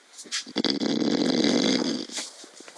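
One loud, rasping, fluttering snore lasting about one and a half seconds, with faint breath noises before and after.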